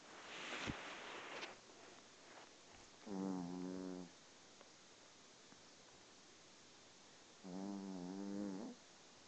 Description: my dog snoring